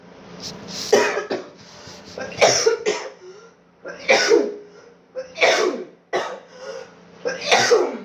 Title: How bad my coughing was during covid 😢